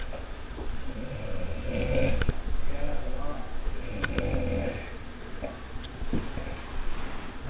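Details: Ordinary snoring from a sleeping person: low, rough, rumbling breaths rising and fading with each breath.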